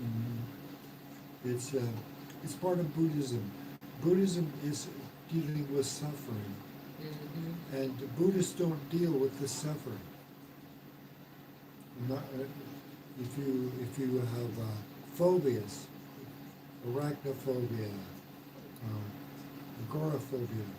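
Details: Man, 115 days into self-therapy for mild aphasia after stroke, restarting his sentence with hesitations; mild aphasia after stroke.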